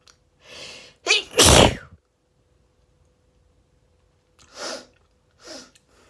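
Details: Allergy-related sneezing fit: breathy inhalations building to one loud explosive sneeze, then further gasping build-ups.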